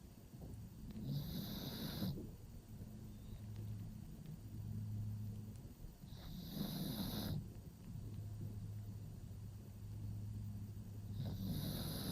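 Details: Pug sleeping in a covered cave-style pet bed: slow, regular, rumbling snores with a whistling edge on each breath, about three breaths in twelve seconds; snoring.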